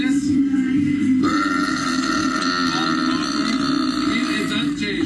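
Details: Girl's long, loud, deep rumbling belch lasting several seconds: a burp, air released from the stomach.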